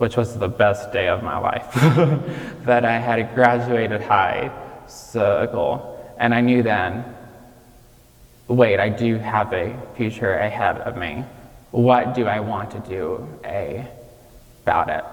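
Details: 26-year-old man with childhood apraxia of speech, diagnosed at age five, nonspeaking until age five, treated with speech therapy five times a week; childhood apraxia of speech persisting in adulthood.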